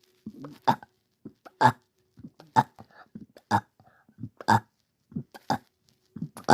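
Short, abrupt voiced catches repeat about once a second in a quiet room. These are hiccups.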